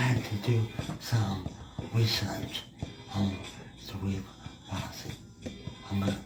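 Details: Speech impediment in a male guest who is part of the disabled community, with distorted, slow articulation; finding: speech impediment.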